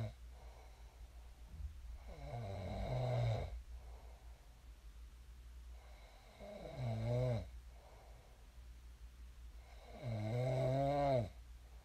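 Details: A person snoring in their sleep, shared as snoring ASMR: three low, vibrating inspiratory snores, about five breaths a minute, over a steady room hum; adult sleep snoring.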